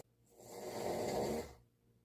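A single rough, rattling breath sound lasting about a second, typical of a snore.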